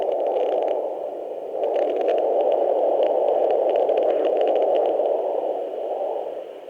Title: Weird windy noise on Doppler.